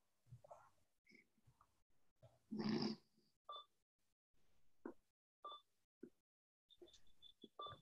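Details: Conversation with a user of a Liberator Accent AAC device using Word Strategy: short electronic beeps and soft taps at irregular intervals in a quiet room as key selections compose spontaneous messages.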